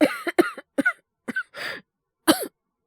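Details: Simulated cough in a Japanese voice-acting drama: a male teacher character with a worsening cold and high fever gives about six short, voiced coughs with a rough, throaty quality.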